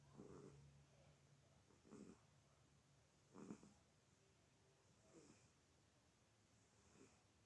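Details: Male sound asleep, snoring: soft, rhythmic snores, roughly 35–40 a minute, over a steady low room hum.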